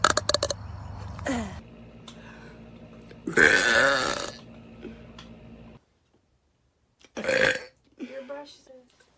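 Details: Woman's voluntary burping: two loud, drawn-out belches with a rough, throaty tone, separated by a pause, faint talk and room noise behind.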